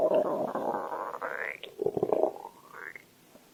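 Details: Stomach growl: rising, squeaky gurgle followed by bubbly rumbling pops.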